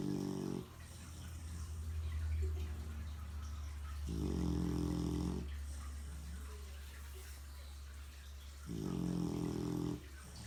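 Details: Snoring, surprisingly loud: low, buzzing snores recurring every few seconds, about 15 a minute, over a steady low hum.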